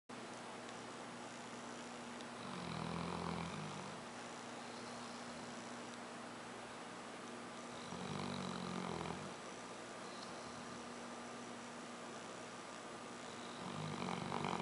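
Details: Three rough, rumbling snores roughly every five to six seconds over a steady background hum; ordinary snoring.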